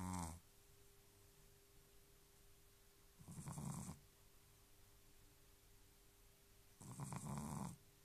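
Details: Sleeping dog with its tongue sticking out of its mouth, snoring very loudly: soft rhythmic rumbling snores on each breath, about 16 a minute, over quiet room noise; snoring.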